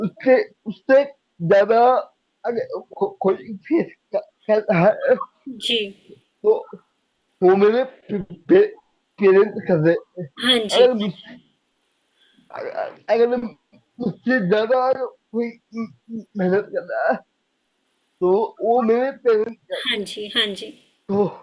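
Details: Dysarthria in a young adult man with cerebral palsy diagnosed at age 2; he could not speak as a child and still needs double effort to speak and cannot speak clearly.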